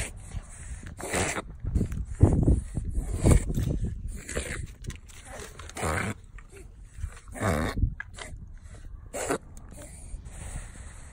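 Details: Dog reverse sneeze: a run of loud, snorting, gasping inhalations.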